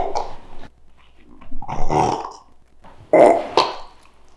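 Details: Shiba Inu dog burping: several low, throaty gulping bursts separated by quiet pauses, repeated burps.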